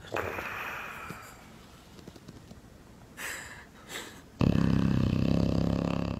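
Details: Very loud snoring: soft breathing and two brief breathy puffs, then a sudden, very loud, rough, rattling, low-pitched snore that continues to the end.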